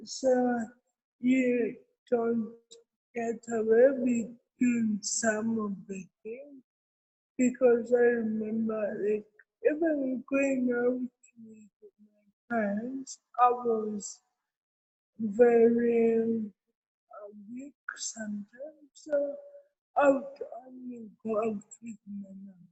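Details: Adult woman with cerebral palsy, with dysarthria.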